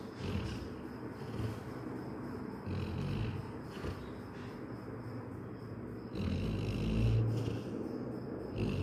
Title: "Paw-some snores: My dog's bedtime symphony."# funny #doglife